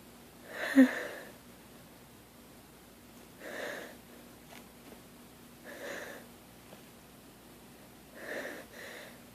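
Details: Person lying in bed just after waking, sneeze fit growing progressively stronger: four short, soft sneezes in a row, each a brief nasal burst, spaced a few seconds apart in a quiet room; sneezing.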